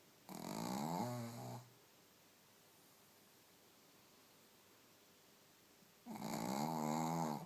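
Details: Shih Tzu dog asleep after a belly tickle: two loud, rumbling, buzzy snores separated by a long quiet pause in a quiet room; loud snoring.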